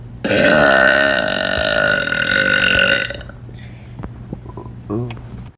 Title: Girl Burps For Tik Tok But Doesn’t Realise Her Stomach Growled As Well